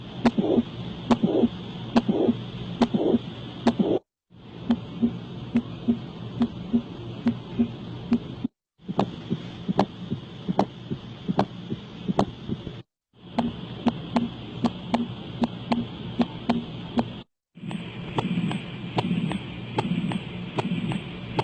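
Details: Regular heartbeats near 71 a minute with an added whooshing sound between beats, consistent with a heart murmur.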